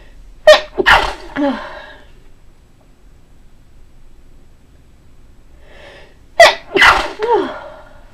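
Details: Two separate sneezes, each a quick inhaled catch then a burst, in a quiet room, from a deliberate variety of sneezes.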